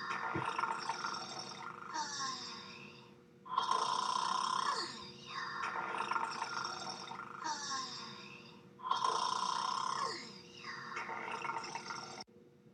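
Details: Two people snoring in bed at a hotel: loud rasping snores in repeated cycles of a few seconds, quieter breaths between, room noise in background.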